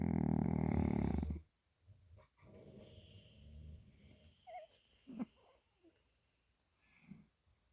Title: DEEPEST and LOUDEST Cat Snore EVER 😹